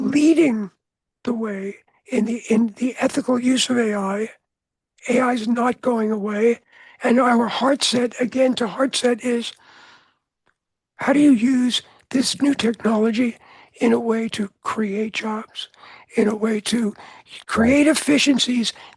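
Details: Adult man with altered voice after throat cancer treated with surgery, radiation and two years of experimental chemotherapy, with no recurrence since; altered voice after throat cancer treatment.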